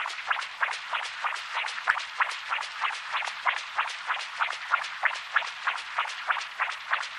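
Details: Doppler in a cat with a VSD, mitral stenosis and tricuspid insufficiency: rapid, regular whooshing pulses at about 188 a minute, with tricuspid regurgitant flow.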